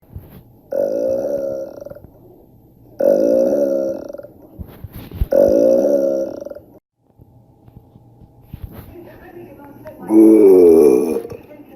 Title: Girlfriend burping loud like a man